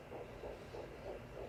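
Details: At nine weeks of pregnancy, a home pocket fetal Doppler picks up fast, regular whooshing fetal heartbeat pulses at roughly 190 a minute; the display may show the mother's own heart rate instead.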